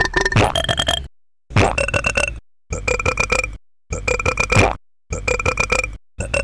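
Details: Loud, drawn-out, rumbling burps about every second with short pauses, from an experimental ambient music promo track built on burping: belching.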